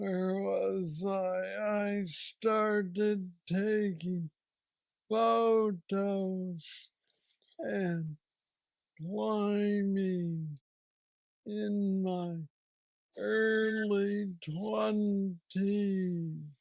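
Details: Man diagnosed with Parkinson's disease at age 35, about nine years earlier, with what he calls the most aggressive form, plus mobility struggles; treated with a brain stimulator implant. Hypokinetic dysarthria (Parkinson's disease).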